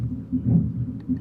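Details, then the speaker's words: Pericardial friction rub of pericarditis, heard with the stethoscope diaphragm over the left sternal edge, patient sitting up: low, scratchy rubbing sounds recurring with each heartbeat. "It's a good indicator of pericarditis. And if you want to listen for it, you place the diaphragm of the stethoscope over the left sternal edge while the patient is sitting up."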